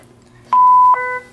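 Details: A short electronic beep, then a second, lower tone: the alert from a Zoll X-Series monitor in AED mode once the pads are on, during a pit crew CPR training review.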